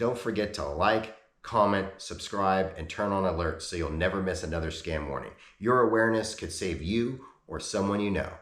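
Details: Adult male narrator; Normal speech.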